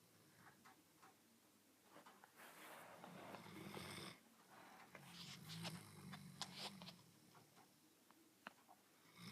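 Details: Snoring during sleep: irregular rattling, snorting snores with soft clicks and breathy noise in a quiet room.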